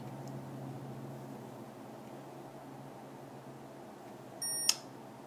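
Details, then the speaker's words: Medtronic MiniMed insulin pump priming a 6 mm Mio infusion set cannula (0.3 units) after set change: quiet room hum, then one short high beep confirming delivery; insulin pump beep. "basically the empty tubing needs to be filled the little canula plastic tubing and you hit activity and it's pumping 0.1"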